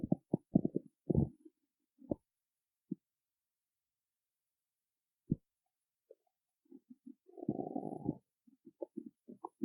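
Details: Hungry stomach after skipping a meal before a performance: scattered low gurgles and rumbles, with a longer rolling growl near the end, in a quiet room. Stomach growling (borborygmi) from hunger.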